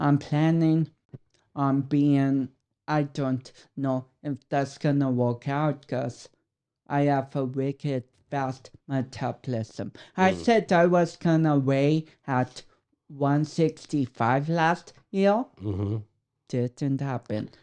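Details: 32-year-old man with cerebral palsy, which he says affects his speech coordination and walking; dysarthria.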